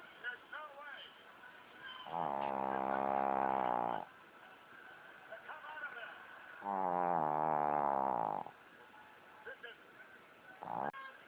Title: Tumble The Pug Snores